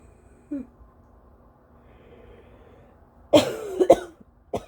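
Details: Adult in an early-morning (almost 5 AM) allergy coughing fit: a soft tonal sound, then a few short, dry, harsh coughs with quiet room noise; dry cough.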